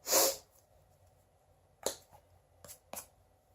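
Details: One loud explosive sneeze in a small room, then a few quieter sniffs and breaths. It was a deliberately attempted sneeze, with pepper kept on hand in case it failed.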